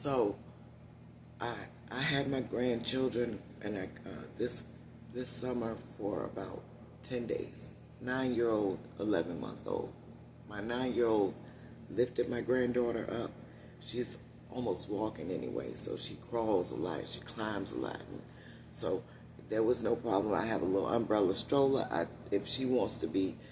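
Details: Adult woman with one-sided vocal cord paralysis after neck surgery, voice lost about three years ago; must push much more air to speak, which tires her; unilateral vocal cord paralysis.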